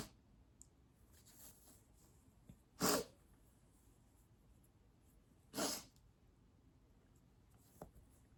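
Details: Allergic sneezing fit, mostly covered, blamed on cat hair: two sharp, partly muffled sneezes about three seconds apart; 17 sneezes in the whole fit.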